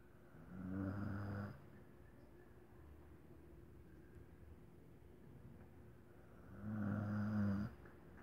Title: Roncando